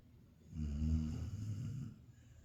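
A single low, rumbling snore on an in-breath, rising and fading over about a second and a half: ordinary snoring.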